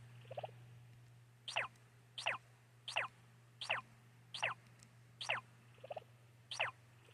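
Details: Seven quick, sharp sneezes under a second apart from a small animal: uncontrollable sneezing.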